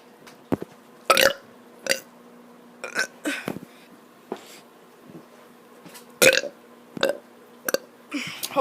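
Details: A child making repeated deliberate, forced burps in a quiet room with a faint hum, recorded on an iPad; the child had just run a lot, felt tired, and got hiccups; voluntary belching.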